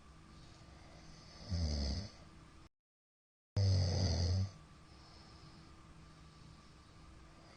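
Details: Middle-aged man's (ojisan) snoring during sleep: two loud, low, rattling snores separated by quiet stretches of shallow breathing; frequent shallow hypopneas suggest obstructive sleep apnea syndrome.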